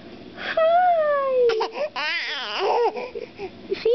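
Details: Infant girl during tummy time gives brief fussing cries, wavering sliding wails and whimpers between short breaths, with an adult talking nearby.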